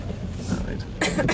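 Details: One or two short, harsh cough bursts over steady car-engine rumble near the end, from a driving instructor or a female learner driver with a chest cold, coughing in turns while driving in rain.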